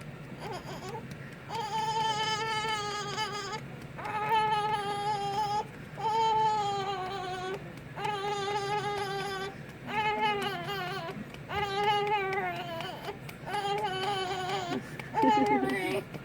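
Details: Infant crying while being burped by his father: rhythmic, sustained wails with short breaths between them, an upset baby cry.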